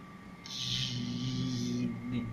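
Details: Adult male voice, imitation; stuttering prolongation (imitated).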